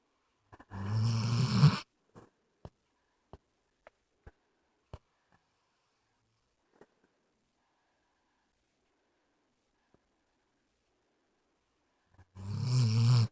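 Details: Snoring in a sleeping dog: two loud fluttering snores about ten seconds apart, with faint clicks in the quiet between.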